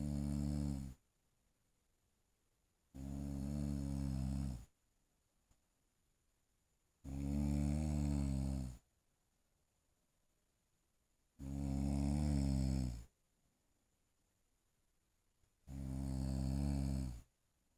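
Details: Person sleeping and snoring: five loud, low, rattling snores on each in-breath, about seventeen breaths a minute, with silent pauses between.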